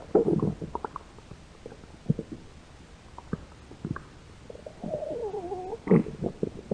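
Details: Two hungry women's stomachs growling: gurgles and a squeaky rising-falling rumble from the belly; ordinary stomach growling, usual with hunger.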